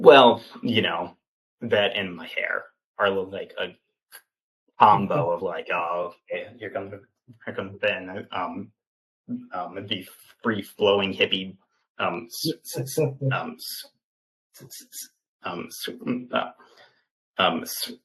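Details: 28-year-old man with stuttering, an open stutterer who had speech therapy from elementary school through high school, speaking in an interview; stuttering.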